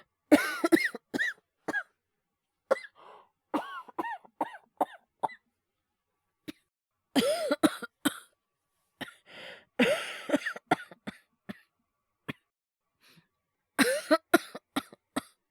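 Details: Acted, simulated coughing by a male voice performer, no dialogue, portraying illness and hyperventilation: a series of short, sharp coughs with throat clearing and quick breaths in a quiet room; a performed cough, not a real illness.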